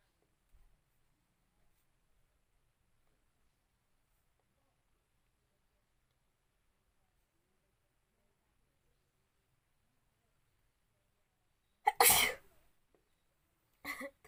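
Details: A long quiet stretch, then one sharp, explosive sneeze and a smaller burst after it, deliberately provoked by pushing hair into the nose in a sneezing challenge.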